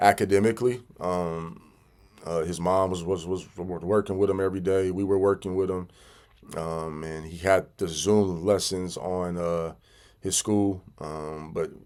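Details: Stuttering in an adult man who has stuttered severely since childhood, sometimes having to stop and regroup.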